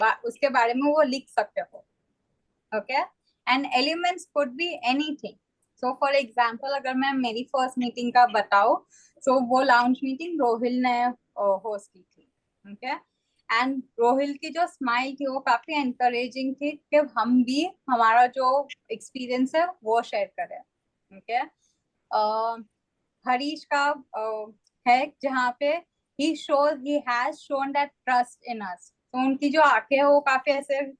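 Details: Adult woman speaking; typical speech.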